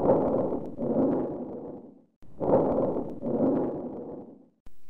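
Soft rustling breath sounds with a short inspiration and a long, drawn-out expiration, typical of airway obstruction.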